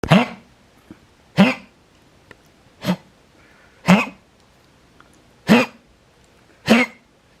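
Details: Older female dog with a heart murmur known for years, in congestive heart failure (X-ray: enlarged heart on one side, fluid in the lungs), during a prolonged bout before treatment: six harsh, honking cardiac coughs in steady succession.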